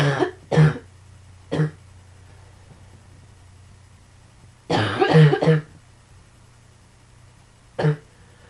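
Short, harsh coughs in small clusters, about eight in all, with steady low hum in the background.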